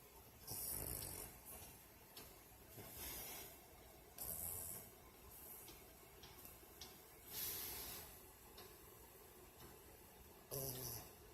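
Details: Snoring in a sleeping female dog whose lips sometimes move as if talking in a dream: soft, irregular snorting breaths with hissy noise, about 19 a minute; dog snoring.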